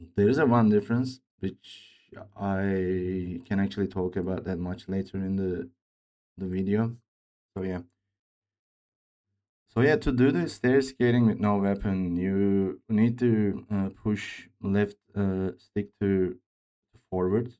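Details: Male speaker with a self-reported speech disorder, type not named, which he says sounds like a game character's but much worse; disfluency.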